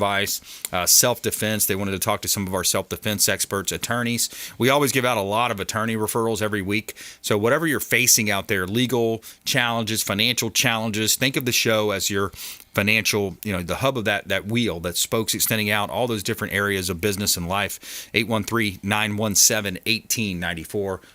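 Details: Adult male speaker; Normal speech.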